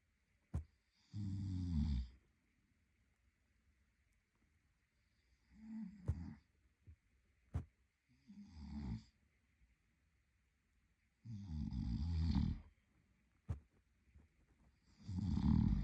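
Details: Adult male partner asleep: deep, rattling snores on the in-breath, roughly 18 a minute, with quiet pauses between; loud habitual sleep snoring.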